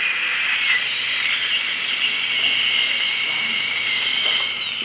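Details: Steady high-pitched whine of a high-speed dental drill lightly grinding the outer tooth surface with 0.3 mm depth-guide burrs, marking depth for minimal veneer preparation on spaced, uneven front teeth.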